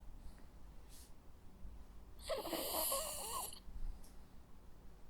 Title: Sounds of a Jack Russell dog snoring. Cute sleeping and snoring sounds.